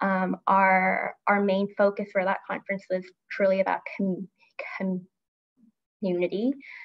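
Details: Adult woman who stutters and grew up as a covert stutterer, with part-word repetition; stuttering.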